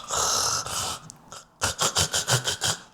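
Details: Imitated gasping of obstructive sleep apnea from an adult man with severe obstructive sleep apnea (stopped breathing 80 times an hour asleep), treated with CPAP; obstructive sleep apnea gasping (imitated).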